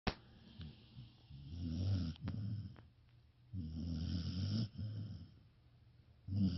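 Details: Sleeping dog snoring: low rumbling snores a few seconds apart with quiet pauses between; ordinary, harmless snoring.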